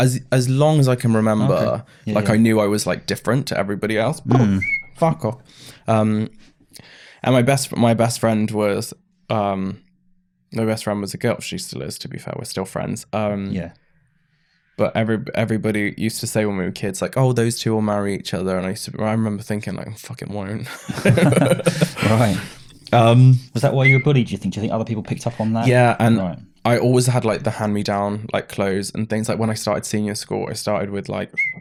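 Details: Man, 31, with Tourette syndrome diagnosed in his mid-20s after illness with brain swelling and brain damage, with mild tics in childhood; vocal tics with stammering.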